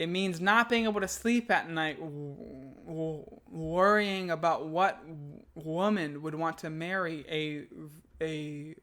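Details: Adult man who stutters, reading aloud a piece he wrote; he calls this take one of his worst attempts and says he struggled nearly the whole way; stuttering.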